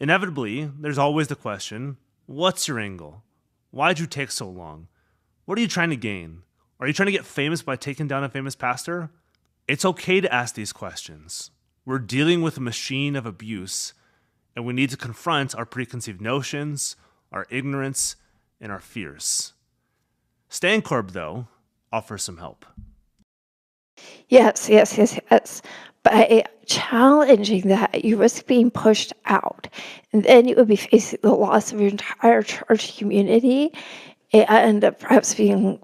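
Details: Real adult woman with spasmodic dysphonia; spasmodic dysphonia.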